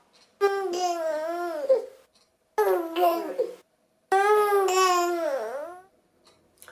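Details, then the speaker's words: Infant's teething cry from the Dunstan baby language: three drawn-out, whiny, nasal fussing cries, a fretful 'gueng-gueng' sound. "lorsqu'il fait ses dents ça va être plus on comme game guengueng quelque chose comme ça je vous laisse écouter encore une fois"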